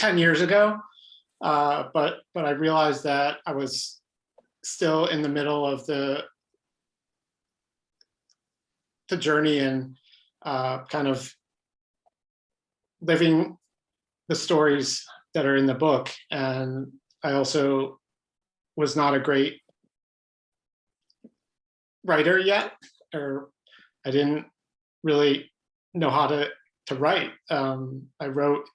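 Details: Adult man who stutters, pattern mostly blocks; stuttering.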